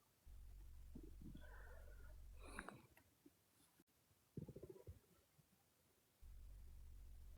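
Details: Male stomach growling: low gurgling rumbles from the belly, with a steady low hum before and after; ordinary borborygmi.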